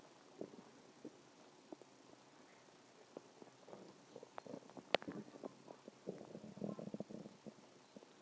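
Irregular gurgles, pops and rumbling bubbling from the belly in a quiet room; ordinary stomach growling from moving gas and fluid.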